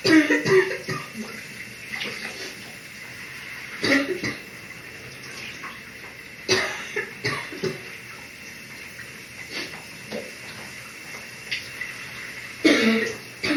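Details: About five separate coughs from an adult over steady running shower water during a morning shower; a habitual morning cough.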